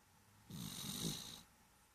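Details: Small cat, about 7 lbs, with cerebellar hypoplasia and asthma, snoring: a single soft, wet, fluttering snore lasting about a second, hissy airflow over a low rattle.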